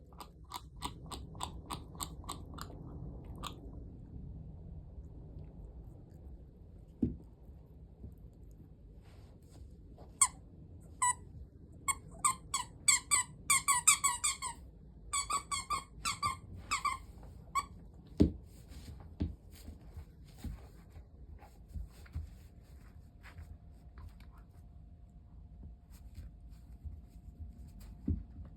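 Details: 3-month-old female Border Collie puppy (5.7 kg) grinding her teeth: bursts of sharp, gritty clicks and scraping crunches in a quiet room; bruxism.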